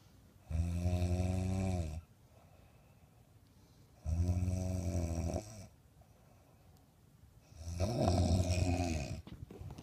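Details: Person snoring like a pig: three long, deep, vibrating snores roughly every 3.5 seconds with quiet pauses between; loud rhythmic snoring.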